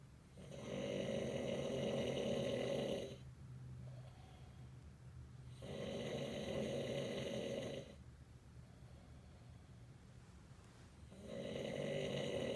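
Loud, rough snores on each breath in, with quieter breaths out between them, about three snores in twelve seconds.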